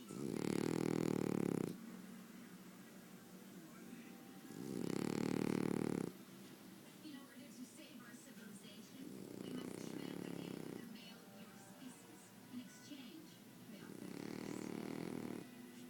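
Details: A person snoring during sleep: deep rumbling snores with each breath, about four over sixteen seconds, with quiet breathing between them.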